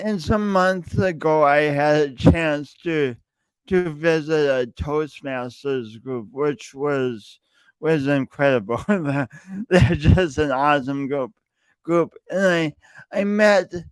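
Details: Male speaker who self-reports an audible speech impediment present whenever he speaks, with part-word and word repetitions; stuttering.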